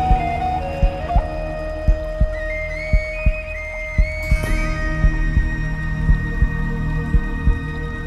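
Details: Heartbeat sound effect in calm epic music: slow, fairly regular low thumps, about 57 a minute, under sustained music.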